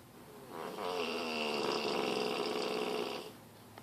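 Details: Sleeping bullmastiff dog: one long, loud, fluttering snore on a drawn-in breath with a wet, rattling quality; snoring.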